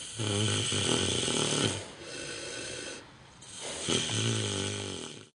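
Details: Loud, rough grunting snores from a sleeping micro pig outside at night, two long breath cycles with a quieter pause between; snoring.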